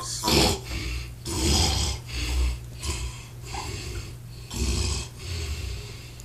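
Repeated loud, rough, rattling breathing noises from a sleeping adult, over a steady low background hum: snoring.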